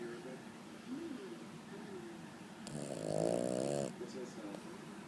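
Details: A single fluttering snore over steady room noise, with faint, quieter breathing noises around it; snoring.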